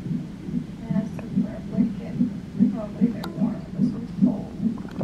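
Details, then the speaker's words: Fetal heartbeat on a fetal monitor at 29 weeks of pregnancy, in emergency labor and delivery for abnormal tightening and pain; rapid, regular whooshing pulses at about 146 beats a minute, within the normal range. "yeah listen to little baby's heart oh my gosh"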